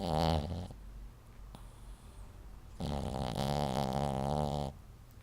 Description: Betty bug may be small and cute, but when she sleeps the demons come out of her.